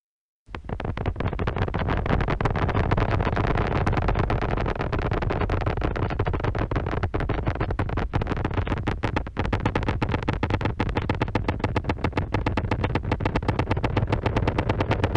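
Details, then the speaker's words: Needle EMG from a real patient with neuropathy: rapid, rough crackling motor unit firing; slightly longer-duration polyphasic motor unit potentials with several phases, reflecting delayed fibre activation during early reinnervation. "this results in a Mot un potential that has a slightly longer duration and is what we call polyphasic meaning it has several phases"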